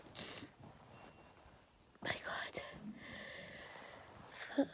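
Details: Desperate sneezing fit: several sharp, explosive sneeze bursts in close succession with breathy inhalations between them.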